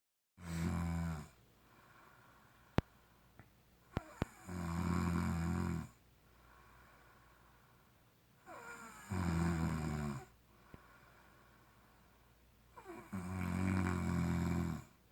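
Three loud, low, rumbling snores about every four seconds, with quiet breathing between them, roughly 15 breaths a minute. Typical snoring.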